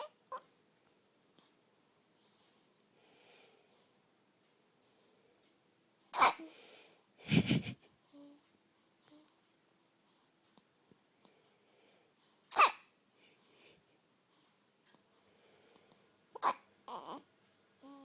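Sharp, abrupt hiccup sounds spaced irregularly with quiet breathing between; episodes of hiccups rather than wheeze.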